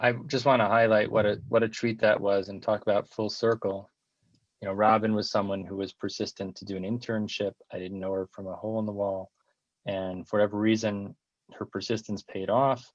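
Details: Adult man; typical speech.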